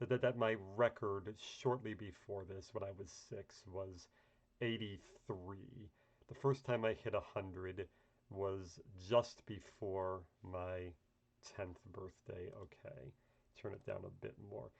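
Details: Adult man speaking; typical adult speech.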